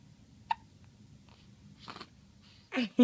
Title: Happy hiccups :p